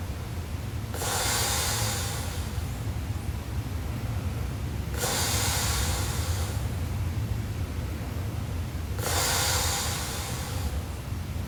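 Three long, loud, rough breaths about four seconds apart, each a harsh rattling noise on the in-breath. Heavy snoring at about 15 breaths a minute.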